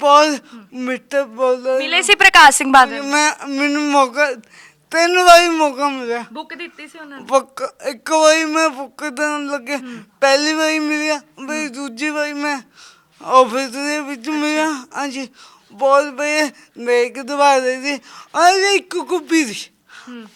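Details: Young Sikh man with a disabled hand and a speech problem since birth; his mother cannot speak or hear; speech impairment with stammering and unclear speech.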